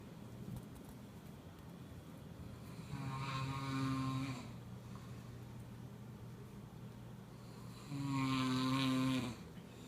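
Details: Snoring attributed to cigarettes: two loud, rough, buzzing inhalation snores about four seconds apart over steady room noise, about 12 per minute.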